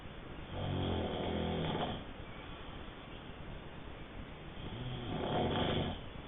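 Two rough, vibrating snores on breathing in, about five seconds apart, over steady room hiss.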